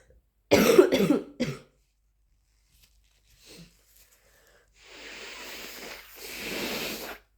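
A quick run of about three harsh coughs, then two long, forceful nose blows during flu.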